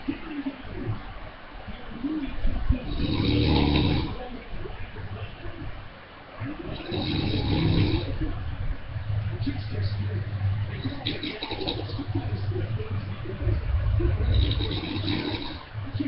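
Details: Adult man (a dad) asleep, recorded by webcam: rough, low rattling snores recurring every few seconds over a TV football broadcast in the background; ordinary snoring.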